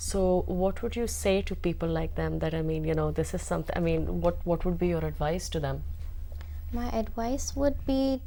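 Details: Adult speakers in an interview; conversational speech.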